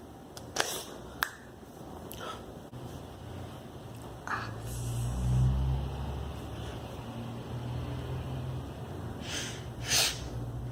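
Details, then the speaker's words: Woman with Tourette syndrome in a random burst of tics: sharp finger snaps and twitching, with sudden sighs, snorts and breathy noises coming irregularly; motor and vocal tics. "you could see in the video she had bursts of random ticks that ranged from motor ticks such as snapping and twitching to vocal tics such as sighing and making noise this is what tourette's looks like"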